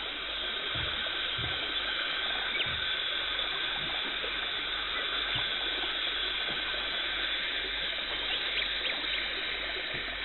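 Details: Dental hygienist performing a professional teeth cleaning in a dental clinic, removing tartar and plaque, no talking: steady hissing spray and suction noise with faint tapping and scraping from the scaler.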